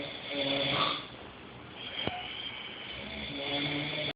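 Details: Adult man (Scott) snoring in his sleep, keeping the person recording awake: rough, rattling breathing over a few seconds with a snort midway, steady room hiss: snoring.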